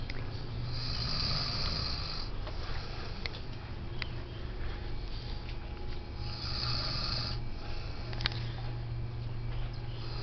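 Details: Snoring from an adult man after a heavy night of drinking; snoring.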